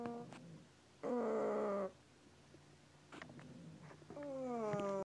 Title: Snoring dog sounds like a fart